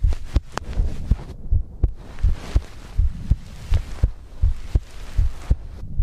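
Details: Steady low thumping normal heartbeat with soft breathing noise behind; heartbeat and breathing ASMR recording.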